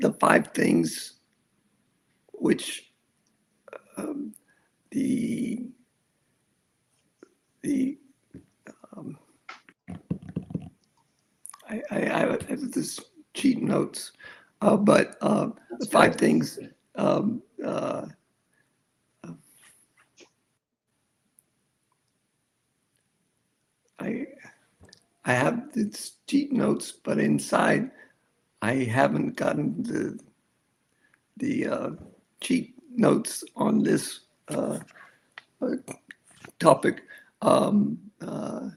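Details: Aphasia with word-finding difficulty in a man after a severe stroke at age 47 (December 2006) that began ischemic and turned hemorrhagic, more than a decade into rehabilitation; he reports it is worse when he is excited.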